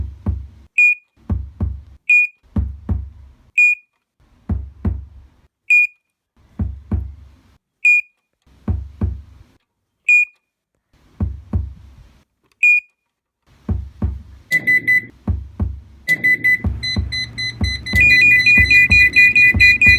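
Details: Sound effect, simulated failing heart monitor: periodic beeps with low thumping beats growing irregular, then a continuous alarm tone; heart monitor alarm.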